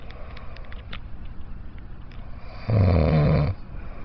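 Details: Snoring: quiet low breathing, then one deep, rumbling inhaled snore lasting under a second.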